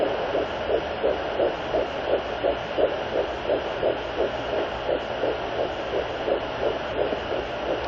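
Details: Fetal heartbeat on Doppler at 10 weeks 1 day of pregnancy: fast, regular whooshing pulses at about 170 beats a minute over a steady hiss.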